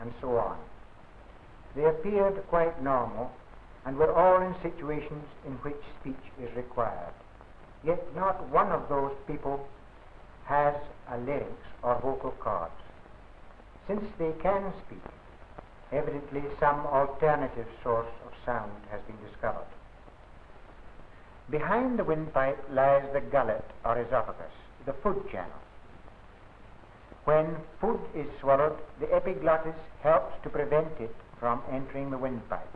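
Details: Adult male narrator; typical speech.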